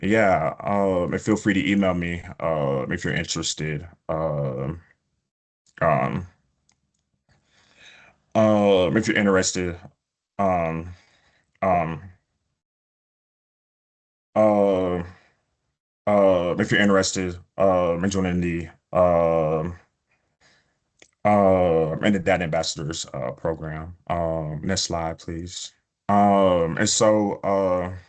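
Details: Adult male who self-reports stuttering, with prolongations of words or sounds, blocks and repetitions: stuttering.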